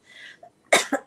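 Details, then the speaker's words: Two quick, sharp, dry-sounding coughs after a soft breath in from an adult woman with a husky voice, being treated with an inhaler for several days. "Lorraine is asking is the humidifier helping your cough it seems that way no no it's not that kind of a cough"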